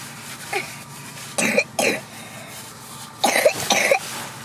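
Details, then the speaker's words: A young girl with night wheezing, constant night cough, runny nose and two days of 37.6–37.8 °C fever, now 36.5 °C, gives two pairs of short wet coughs; cough. "слышите, какой кашель? Надо обязательно слушать ее. Ночью вообще так хрипела и среди ночи кашляла постоянно."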